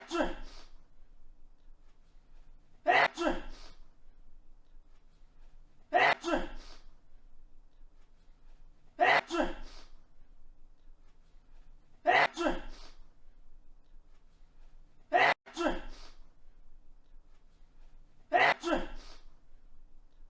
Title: sketch sneezing almost perfect loop for an entire minute